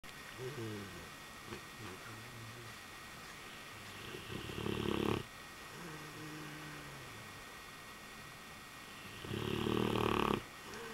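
Two loud, low, rumbling snores about five seconds apart, with softer whistling breaths between them and steady room hum; snoring.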